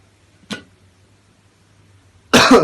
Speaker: O nasıl oluyor ya? Öksür. Çok kötü öksürüyorsun lan.